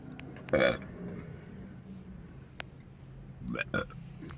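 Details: A few short belch-like bursts over faint room noise; burping.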